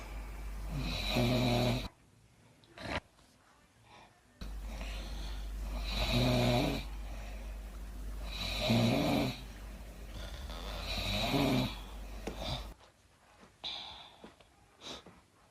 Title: my wife sitting and snoring